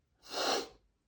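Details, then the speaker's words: One forceful, hissing sneeze from an adult man during a desperate sneezing fit, announced beforehand while he says he is trying to hold them back; sneeze. "I can't help it. I'm sorry. I'm going to sneeze. I have to sneeze. I just I just got to sneeze."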